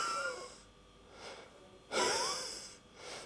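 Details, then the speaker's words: Clinician imitating asthma breathing: whistling, musical sounds with a prolonged expiration, an audible expiratory wheeze, as an asthmatic struggles to get breath out; contrasted with inspiratory stridor of croup. "an asthmatic will often literally struggle to get their breath they have more problem getting their getting rid of their breath and getting it in so they have a prolonged expiration and this audible expiratory wheeze that goes"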